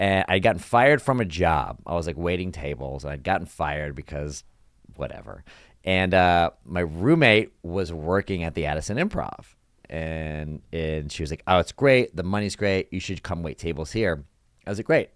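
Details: Adult man in conversation; typical speech.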